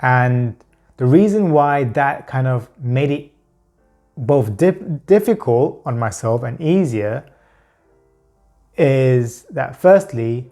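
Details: Adult man whose stammer is mainly pure blocks rather than repetitions or prolongations, using word substitution to hide them; stuttering (blocks).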